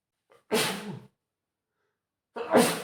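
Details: Adult man with a spring cold and runny nose sneezing: two forceful sneezes, each a quick in-breath then a sharp explosive burst of air through nose and mouth.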